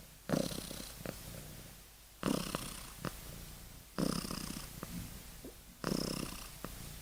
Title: Kitten snoring and deep sleep！